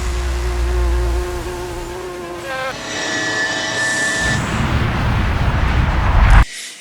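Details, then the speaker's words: Simulation by an autistic person of how the world sounds with auditory processing disorder, contrasted with how it sounds for most people. "the result of auditory processing disorder or APD which about five percent of kids in the US suffer from"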